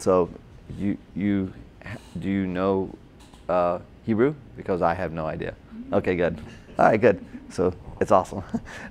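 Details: Adult man, a former paramedic, with Broca's aphasia from a stroke during heart surgery in 2007, about 10 years earlier; difficulty with names, numbers, reading and writing; had OT, PT and speech therapy; Broca's (expressive) aphasia.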